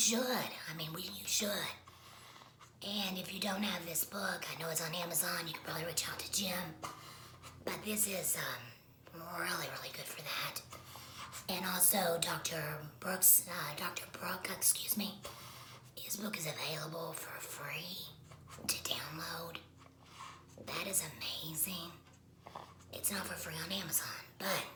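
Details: Woman speaking after laryngectomy; esophageal speech is mentioned but her voicing method is not stated; alaryngeal speech after laryngectomy.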